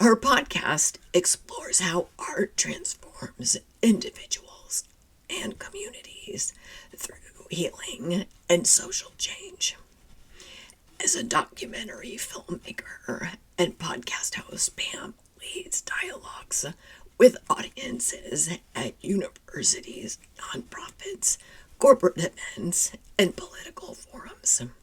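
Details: Woman who identifies with the spasmodic dysphonia community, describes her voice condition as neurological and long-standing enough to feel normal, and reports frequently not being understood on the phone; spasmodic dysphonia.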